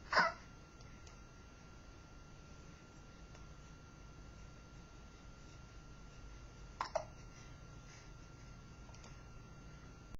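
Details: Hiccups in a baby boy in his fourth week: two brief, sharp hiccups about seven seconds apart against a quiet room hum.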